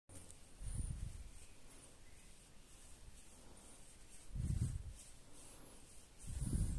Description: French Bulldog Lady gets high and snores. Like this every morning after a walk. I lie down my dog and scratch her belly. And she catches a buzz and snores.